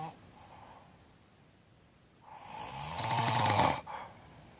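One loud, rattling snore on a mouth-open in-breath after a quiet stretch; ordinary snoring.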